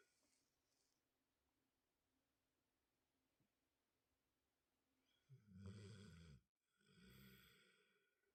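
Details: Two nappers at dinner time: a quiet room, then two loud low rattling breath sounds in sleep; snoring.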